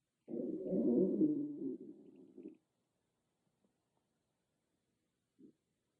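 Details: A loud stomach growling, recorded on an iPhone with no ASMR microphone: a loud, drawn-out gurgling rumble fading over about two seconds, then a brief gurgle; ordinary bowel sounds (borborygmi).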